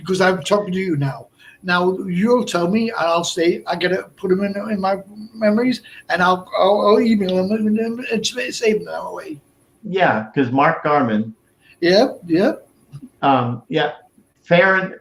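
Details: Man about 57 years old, over 8 years after a stroke at age 46 (March 2011), also a heart transplant recipient; Broca's aphasia.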